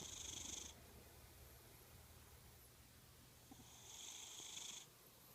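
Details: Cat snoring: high, whistling snores about every four seconds, roughly 15 breaths a minute, over a steady room hum.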